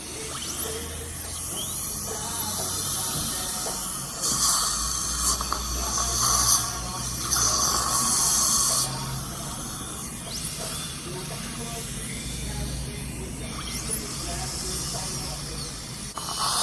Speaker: so obviously this hurts like hell because there's no anesthetic but I don't use it I hate the feeling that numb numbness so but uh it's part of the fun just remove it all right next round guys this is the drill right yeah no anesthesia remember that yeah